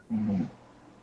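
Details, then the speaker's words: Sleeping pet gives a single low, rough, rumbling snore lasting under half a second; snoring. "Yep. That's snoring. >> SH's snoring, too."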